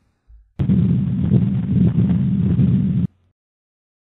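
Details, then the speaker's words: Continuous machine-like murmur lasting throughout systole and diastole, heard with the stethoscope directly under the left clavicle: patent ductus arteriosus. "very characteristic murmur last throughout systole and diastole and a lot of times will be described as a machine like murmur or a continuous murmur"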